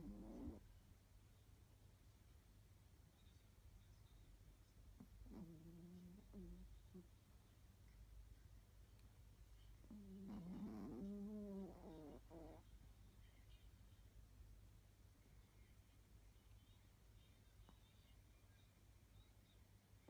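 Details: Snoring from a sleeping Chihuahua lying in an odd position: soft, whistly, humming snores about every five seconds over a low room hum.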